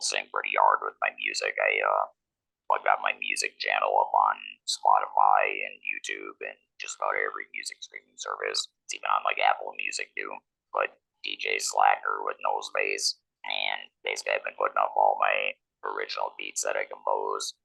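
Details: Man who is a laryngectomee, speaking with an electrolarynx; electrolarynx speech.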